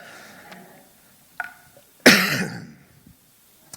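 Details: Adult preacher, unwell and recovering, during a church service: a small throat sound followed by one loud, harsh cough.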